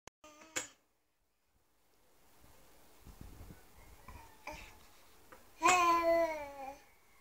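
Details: A 7-month-old healthy baby sneezing: a small voiced intake ending in a sharp, tiny burst, then quiet room sounds and a short baby vocalization.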